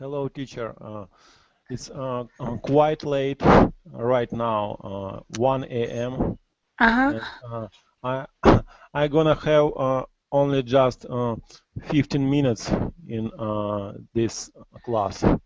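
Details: Adult male speaker; normal voice.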